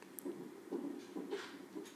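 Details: Fetal non-stress test with probes strapped to the mother's belly by elastic bands, one for fetal heart rate and one for uterine contractions: rhythmic whooshing Doppler pulses around 130 per minute, normal fetal heart tones.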